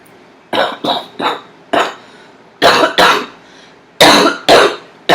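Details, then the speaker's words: Cough described as sounding really empty. "yeah they sound like really empty coughs"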